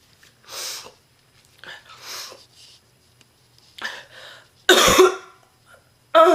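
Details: Real heavy smoker woman, very sick, in a coughing fit: repeated harsh, rough, deep coughs separated by noisy, breathy gasps, growing louder toward the end: a smoker's cough.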